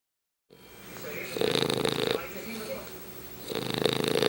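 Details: English Bulldog snoring, reportedly louder than his owner and growing in volume and intensity daily: rough, rattling breathing noise in two loud stretches over a steady background hiss.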